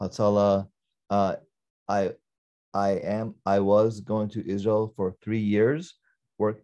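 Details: Adult man, former paramedic, with aphasia from a stroke during surgery 10-15 years ago; he understands Hebrew but no longer speaks, reads or writes it; Broca's aphasia (non-fluent aphasia).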